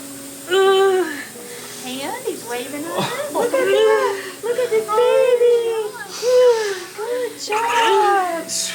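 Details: Short, high-pitched wailing cries of a newborn baby boy just after delivery, mother over 40 weeks pregnant and past her due date, with adult voices and room noise around them.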